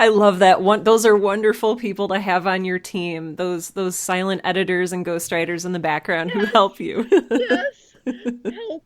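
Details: Adult speaker; ordinary speech.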